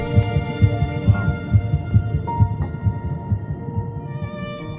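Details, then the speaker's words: Embryonic heartbeat at 3 weeks and 1 day, 22 days after fertilization: rapid, regular low thumps at about 130 a minute under soft background music. "At 3 [music] weeks in one day, just 22 days after fertilization, heartbeat can be detected."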